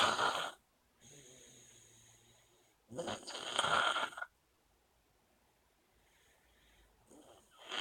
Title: Snoring...